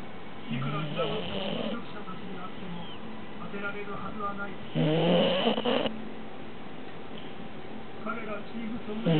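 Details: Snoring while asleep in someone's arms; soft, rough snores with each breath over low room noise.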